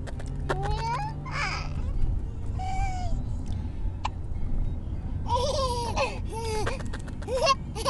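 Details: Infant hiccuping while laughing, recorded in a car: babbling and giggles broken by short, sudden catching hiccup sounds over steady low car rumble.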